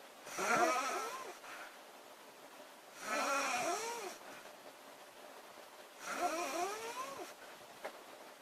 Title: Loud girl snoring August 6 2017